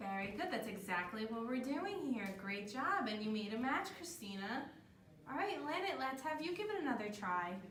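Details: Adult female speaker, encouraging another person; plain speech.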